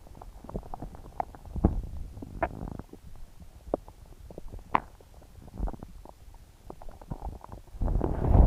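Frequent low gurgling and rumbling bursts, some with brief squeaky pitched gurgles, continue throughout; loud, active bowel sounds typical of an upset stomach.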